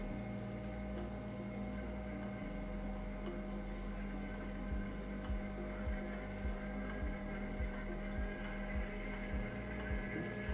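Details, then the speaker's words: Belmont rapid infuser with heated circulating fluid, pushed straight to 500 mL rate: steady motor hum winding up, then regular mechanical pulses near 105 a minute as rate and line pressure build; rapid infusor pump running. "or we can push straight all the way through 500 mils per rate you'll hear it start winding up immediately"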